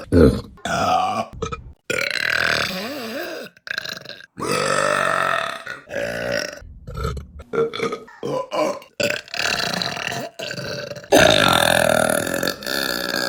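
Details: A run of long, loud, rumbling burps with short pauses between, from a compilation of women burping; burping.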